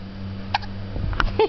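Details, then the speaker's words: 13-day-old baby boy held and gently rocked by his mother, who says he gets hiccups all the time and seems unhappy with them: three brief, abrupt catching sounds within a second and a half; hiccups. "ok this is henry of 13 days with the hicups which he gets all the time and we're just hanging and dancing a little bit but he doesn't seem very happy that he has the hiupss so cute"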